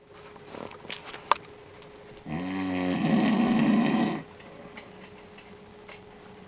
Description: dad snoring